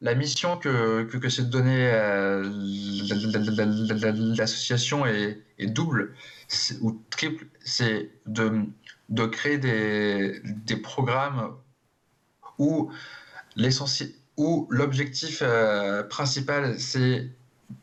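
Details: Adult man who stutters, speaking in a French TV interview; repetitions of words and syllables; stuttering.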